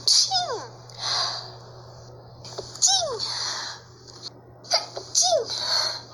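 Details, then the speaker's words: Three sharp, high-pitched sneezes, each with a squeaky onset and hissing release, over room hum; sneezer remarks on not having sneezed in a long time. "Nossa, fazia tempo que eu não espirrava. Nossa, fazia muito tempo que eu não espirrava."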